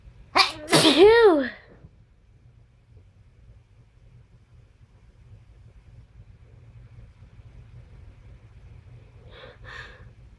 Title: More Sneezing